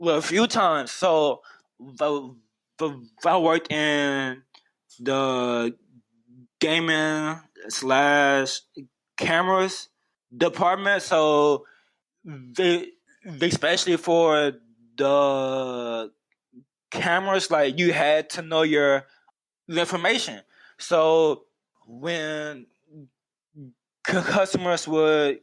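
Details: Adult man who stutters and sometimes had trouble getting words out with customers at a college job; stuttering.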